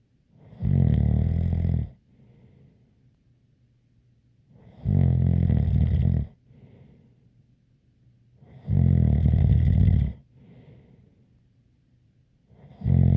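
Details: Snoring with a light whistle: loud, regular rumbling snores about every four seconds, roughly 15 a minute, with a faint whistle between them.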